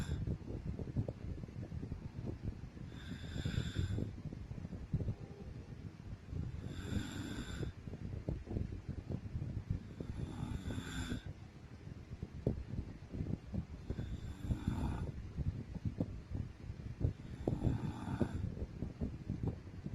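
Slow, regular noisy breaths with rough snoring sounds about every 3.7 seconds, roughly 16 breaths a minute, during sleep.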